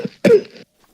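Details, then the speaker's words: Adult who is sick and whose real coughs sound severe gives a deliberate demonstration: a single soft cough or throat-clear, a fake mild cough rather than a real forceful one. "no it's fine I'm doing like the fake coughs not the loud coughs you know"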